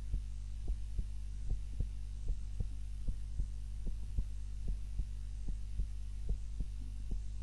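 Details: Normal heart sounds during an afternoon nap, self-recorded on a timer while lying on the back (usually prone): steady paired lub-dub beats at about 75 a minute over a low background hum.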